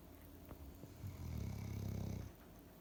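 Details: Dog sleeping on the cool living-room floor, snoring cutely: a single low, rumbling snore.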